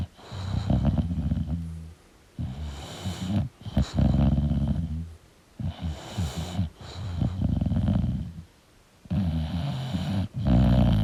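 Loud, rattling, low snores in repeated bursts with short pauses, from a sleeping flat-faced dog; about 5 breaths in 11 seconds.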